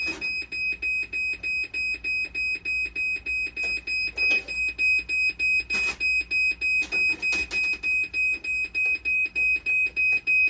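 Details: Dialysis machine under repair for conductivity failure, 12-volt and BP cuff problems, with sensor and actuator boards being swapped: steady high-pitched electronic alarm pulsing about 98 times a minute with faint room noise; fault alarm.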